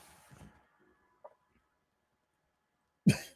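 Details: Adult streamer with a scratchy, sore throat who feels he is getting sick and is losing his voice gives a single sharp cough after a few seconds of near silence in a quiet room during a live broadcast.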